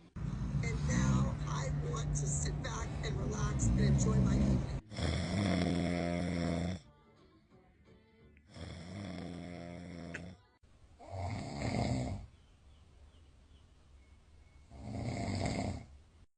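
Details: Loud, low rattling snores in long bursts with pauses, over music; a father snoring while a baby reacts; ordinary heavy snoring.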